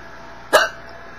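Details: Woman hiccuping while starting to tell a story: a single abrupt, sharp hiccup, a brief voiced gulp, over quiet room noise.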